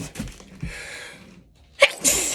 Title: Work sneezes